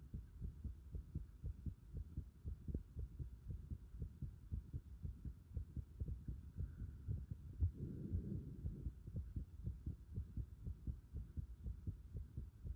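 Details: Steady, regular low heartbeats about 118 a minute with a soft hum; normal heart sounds recorded with the pulsation at the pit of the stomach (epigastrium).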